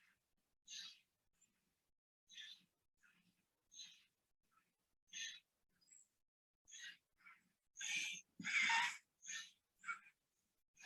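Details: Pediatric patient: repeated high-pitched, harsh noises on each breath in, then two loud barking coughs; croup with inspiratory stridor and barking cough.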